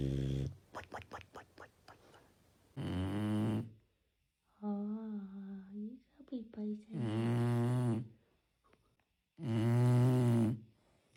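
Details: A dog snoring in loud, rumbling bursts with a high whistling, whiny tone between some breaths.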